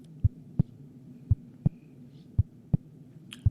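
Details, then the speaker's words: Heartbeat heard through a homemade stethoscope (hose with funnels and a balloon) held on a secondary-school student's chest over the heart: steady paired low lub-dub thumps, about 56 beats a minute, over faint hum. "maestra puedo escuchar mi corazón"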